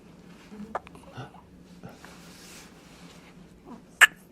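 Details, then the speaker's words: Hiccups in a 2-day-old newborn girl, rooting and looking for food: a few brief, sharp, jerky little sounds over a quiet room, hiccups persisting. "and the hiccups are still here"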